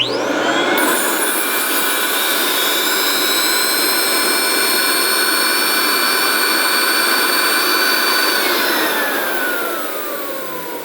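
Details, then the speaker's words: A dental vacuum forming machine runs, a steady loud motor whine and rushing air that winds down. Heated material is lowered over the model and vacuumed for about 20 seconds to adapt it. "At this point now, rather than turning the machine on, I'm going to lower this down over and turn the vacuum on."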